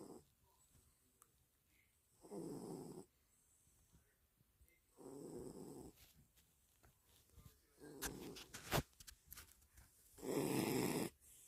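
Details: A sleeping cat snores in soft, rattly bursts with each breath, four in the clip, about 22 breaths a minute, with quiet pauses between.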